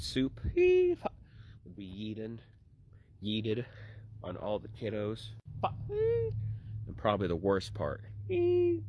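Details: Woman with Tourette syndrome producing vocal tics.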